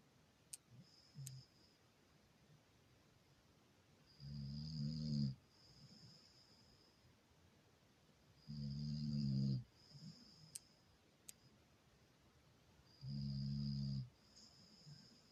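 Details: Sleeping dog filmed with a thermal camera before it wakes: snoring, three loud, low rattling snores about four seconds apart (roughly 14 a minute), over quiet room noise with faint clicks.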